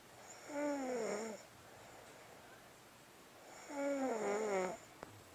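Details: Snoring: two long, droning, tonal snores with a falling pitch, separated by quiet breathing over about five seconds.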